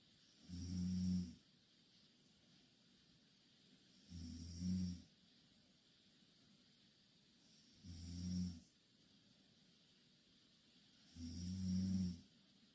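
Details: Two Korean girls snoring loudly in the same bed: low, rattling snores on each breath in, about 17 a minute, with quiet pauses between.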